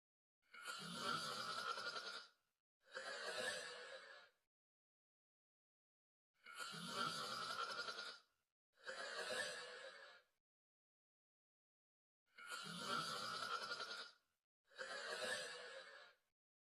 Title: Cute Snoring Pt. 6